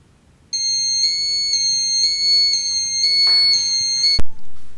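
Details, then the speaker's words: Redsense fiber-optic blood leakage sensor demonstration: the patch absorbs blood from a smaller leakage until it reaches the fiber-optic sensor, setting off a steady high-pitched electronic alarm, then a sharp click. "when a smaller leakage occurs the criteria which needs to be fulfilled to get an alarm is that blood comes onto the fiber optic sensor and triggers the alarm"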